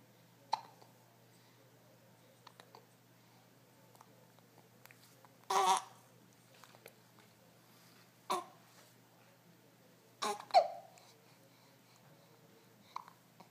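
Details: Hiccups: a few short, sharp catching sounds at irregular intervals in a quiet room, about four over the clip.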